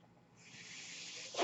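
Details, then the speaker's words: Speaker's own mechanical ventilator, heard during his podcast talk: a soft, steady hiss of air building over about a second, ventilator airflow. "noise earrings my ventilator and thank you so much for tuning into Bates terminus they were not my stores my guests may the force be with you"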